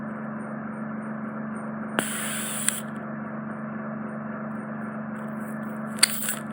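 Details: Endoscopic microsuction of deep impacted wax in a man's right ear canal, causing reduced hearing: steady suction hiss with brief crackles and clicks as the wax plug is drawn toward the canal opening; ear microsuction.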